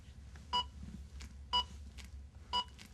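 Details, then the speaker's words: ZOLL AED Plus Trainer 2 in a manual training scenario after no shock advised and start CPR prompt: evenly spaced sharp beeps about one per second pacing compressions; simulated AED CPR metronome beeps. "push the no shock button once to force the next heart analysis to advise no shock no shock advised start CPR"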